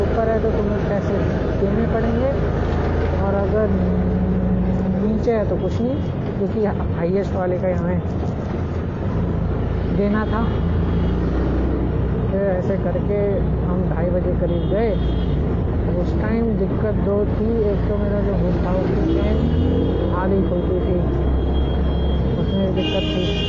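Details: Man who stutters (stammers), speaking Hindi, doing daily speaking practice to see whether it changes his speech; stuttering.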